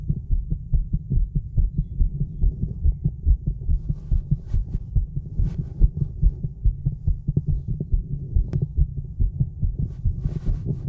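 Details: Female heartbeat recorded outdoors in the woods: regular low thumping, fast at roughly 140 per minute, with faint gurgling stomach noises; a normal heartbeat.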